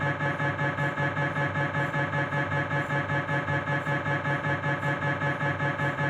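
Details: Steady, rapid rhythmic knocking and buzzing, about 100 pulses a minute, from a Philips 1.5T MRI scanner during a knee examination; MRI scanner noise.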